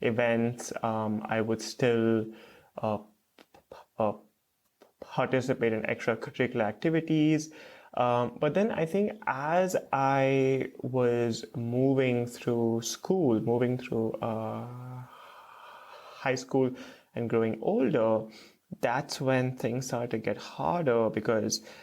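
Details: Stuttering in an adult male PhD student who stutters.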